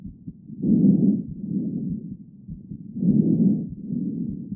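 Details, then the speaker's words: Normal vesicular breath sounds heard with a stethoscope over the peripheral lateral chest of an adult male patient: soft, low rustling breath sounds in steady cycles, louder on inspiration. "Vamos lá escutar agora. Esse é um murmúrio vesicular normal."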